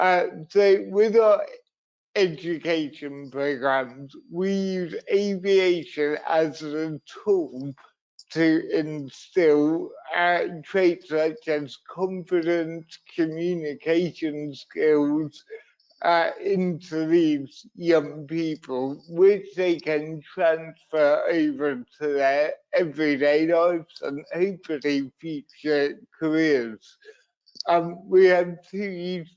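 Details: Adult man with cerebral palsy, a brain injury sustained through an accident at birth, which he says also leaves him wobbly and unsteady on his feet; dysarthria (cerebral palsy).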